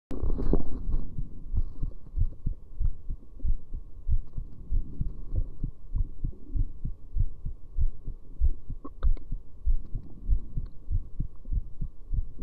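Steady low thumping heartbeat at roughly 95 beats a minute, with a faint hum underneath.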